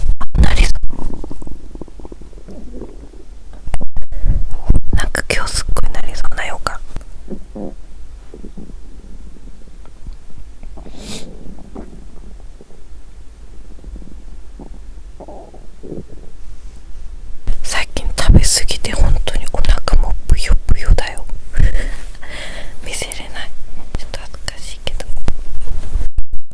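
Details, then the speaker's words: Hunger growling heard naturally before a lunch meal: loud, low gurgling and rumbling bowel sounds in bursts from an empty stomach. ""Хотел бы я записать больше звуков голода♪". «Запись звуков голода требует большого терпения». «Мне бы повезло, если бы я мог слышать звуки голода естественно, как сегодня★»."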